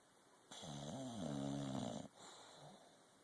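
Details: Sleeping English Bulldog snoring: one long, rattling, slightly whining breath in, then a soft breath out.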